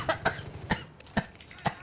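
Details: An adult playing a video game gives a quick series of about five short, sharp coughs close together, choking and coughing during a tense in-game moment: cough.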